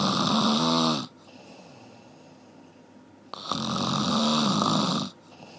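Two long, loud, rattling snores on breathing in, separated by a quiet pause of about two seconds.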